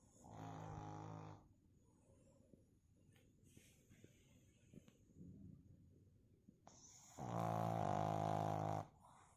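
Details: Sleeping pug snoring: two loud, buzzy, drawn-out snores on inhalation separated by quieter breathing.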